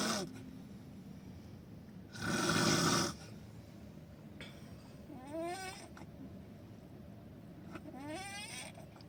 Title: Highly snoring